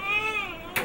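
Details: Newborn being swaddled by a nurse in a hospital nursery: a brief, high-pitched newborn cry, slowly falling in pitch, ending in a sharp noise.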